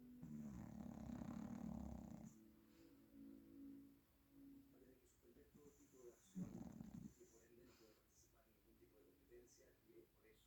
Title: La Kuki esta roncando...